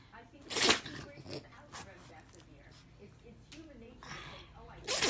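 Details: Brachycephalic pet sneezing: a forceful, explosive sneeze, then short snorting air intakes and a second hard burst at the end, as it forces air in to sneeze again.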